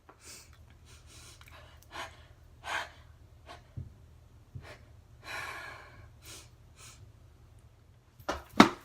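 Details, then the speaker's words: Suppressed sneeze, acted out: a series of quick rising breaths build up as if to sneeze, but the sneeze never comes. "now we all have that type of sneeze that you have to sneeze but thing you don't sneeze like the sneeze comes but you don't actually sneeze"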